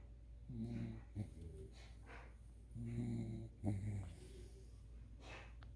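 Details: Dog named Nerf asleep with head buried in owner's thigh; low buzzing snores on each breath with soft snorts and breathy exhalations, louder than owner's snoring.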